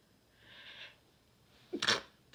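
A hissing in-breath, then a sudden forceful sneeze burst in a quiet room.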